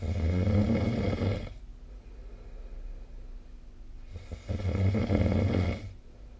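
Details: Snoring during sleep, recorded with the SnoreLab phone app.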